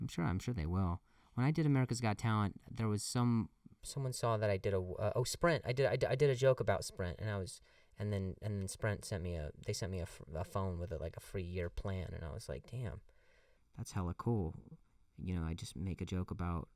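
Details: Adult male comedian who stutters, saying the stutter has gotten a lot better over the years, speaking conversationally with audible repetitions; stuttering.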